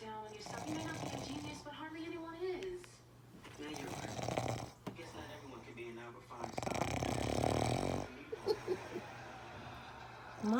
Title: Mom snoring